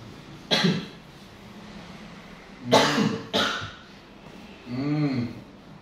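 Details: Cough persisting since before COVID, said to be not TB, present since school years, during an alternative nerve-pressure treatment session: three harsh, dry coughs, two close together, then a voiced groan; chronic cough.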